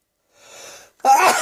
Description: At last! - I managed to record myself sneezing. It was a slow build-up and possibly the start of a summer cold.